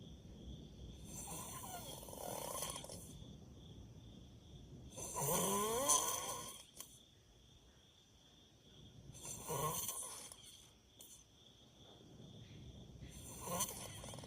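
Irregular breathing noises, rough snorting with whistly squeaks on some breaths, about four in fourteen seconds; noisy snoring.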